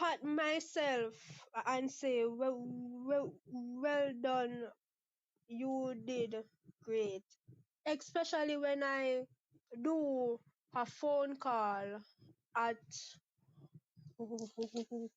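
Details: 23-year-old Jamaican woman speaking about her own stutter; stuttering.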